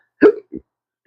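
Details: Adult man with chronic intractable hiccups: a single sharp hiccup, a sudden voiced gulp with a faint after-sound.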